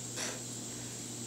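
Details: Single short breathy puff of air, a vocal tic (puffing noise) in a boy with Tourette syndrome, whose tics also include eye and nose twitches; later treated with a TMJ oral orthotic.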